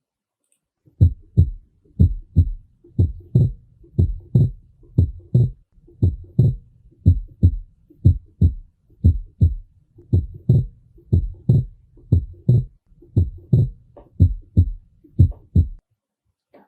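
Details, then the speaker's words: Regular paired heart sounds near 60 a minute; the second sound splits with inspiration as the pulmonary component lags the aortic: physiological splitting of the second heart sound. "A partir disso eu escuto ou um um desdobramento da segunda bulha presta atenção Aumente o volume do seu fone de ouvido"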